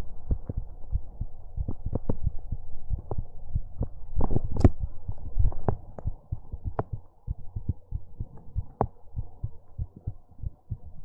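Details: Heartbeat sounds recorded for ASMR: normal heartbeat.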